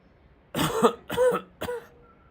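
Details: Acted case of a patient with leukemia and COPD presenting with fever, cough and myalgias: three short, harsh coughs with faint hospital room noise.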